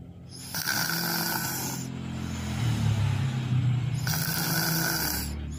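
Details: Unusual snoring: a loud, rattling, buzzy snore with a whistling overtone on the breath, over faint room noise.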